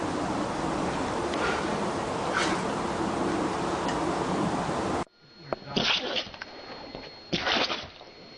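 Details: Two quick, sharp sneezes amid household noise and steady background sound, in a household with dogs.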